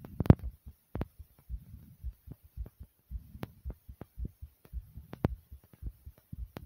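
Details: Heartbeat after jumping in place for a few minutes to make the heart race: fast, regular thumping of about 110 beats a minute; tachycardia after exercise.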